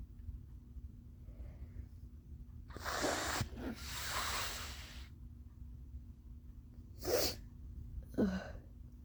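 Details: Person whose allergies are flaring: a breathy inhaled build-up, then a forceful sneeze and a shorter sneeze burst, over a low room hum; allergy sneezes.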